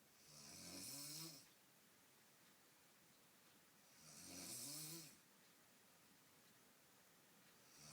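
Two rough, rattling snores on breathing in, each with a hissy edge, about 16 a minute, separated by quiet out-breaths; ordinary snoring.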